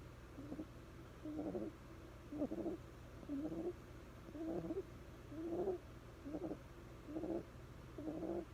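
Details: Bulldog puppy snoring very quietly while sleeping: soft, regular nasal snoring with faint squeaky whistles, about 60 breaths a minute.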